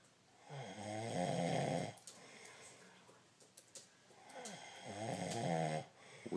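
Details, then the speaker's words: Two loud, fluttering snores on the in-breath, each about 1.5 seconds, separated by quieter out-breaths, from a sleeping man (summer 2012) whose family votes for septum surgery to fix his snoring; snoring. "taken a vote and the decision is four to none that you're going in to have the septum fixed if you object stop snoring"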